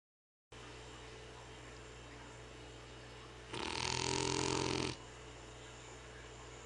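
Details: Loud, rough, snorting breath over a steady background hum: snoring from a flat-faced French/English Bulldog mix dog.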